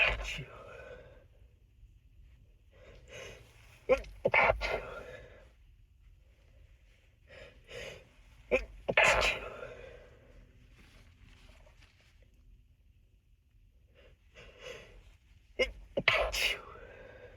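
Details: Several sharp, muffled stifled sneezes with snorting nose-blowing between them in a quiet room, from an unedited session.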